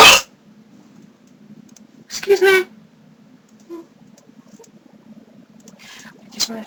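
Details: Person with a severe bout of hiccups: several abrupt, sharp voiced gulps at irregular intervals, one louder than the rest, over quiet room hum; hiccups.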